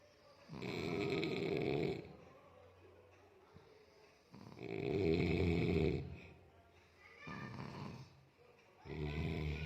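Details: Grandfather and uncle (elderly man, adult man) sleeping: loud, rough snores with quiet pauses, about 15 a minute, steady sleep breathing pattern; snoring.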